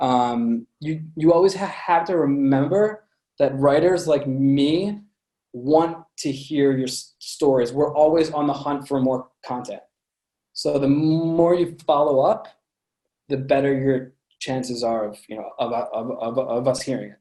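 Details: Adult man with a lifelong stutter present since birth, which he says listeners can hear; stuttering.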